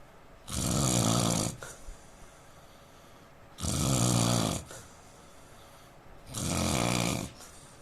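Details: Adult Indian man snoring: three loud, rumbling snores about three seconds apart, roughly 21 a minute, with quiet breathing between.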